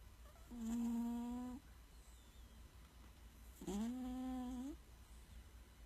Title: Does your cat snore? 😂😴